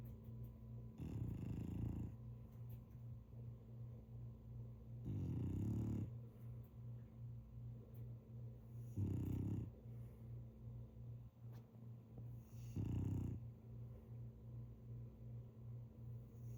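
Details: French bulldog snoring while asleep: low rattling snores about every four seconds, roughly 15 a minute, over a steady low hum.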